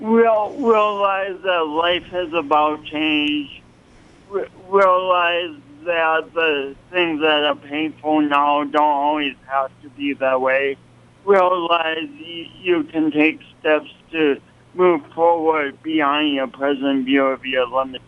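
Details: Adult man with a pronounced speech impediment and coordination awkwardness since an early, traumatic birth with loss of oxygen; dysarthria from birth-related brain injury.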